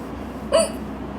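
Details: Drunk woman's hiccups: a single sharp voiced hiccup over quiet room noise.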